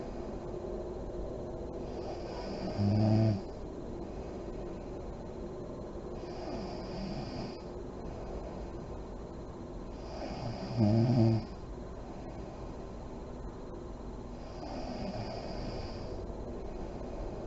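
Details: Adult woman (a mother) asleep with lights on, described as deep REM sleep: slow, deep breathing, about four breaths, with two low rattling inspiratory snores over soft room hiss; snoring.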